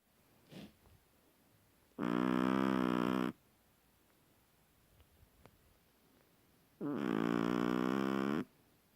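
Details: 7-month-old female long-haired Chihuahua snoring in sleep: two long, buzzing, tonal snores on inhalation about five seconds apart in a quiet room; owner wonders if other dogs do this.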